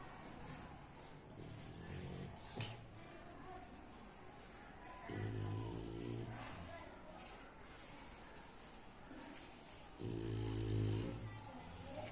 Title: Bulldog Snore